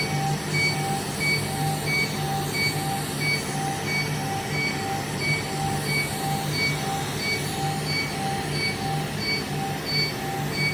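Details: Laser hair removal device in operation during treatment; steady machine hum with regular short beeping pulses, about 90 a minute.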